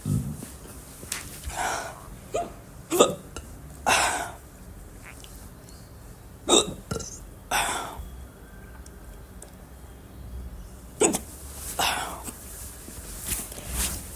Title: Hiccups audio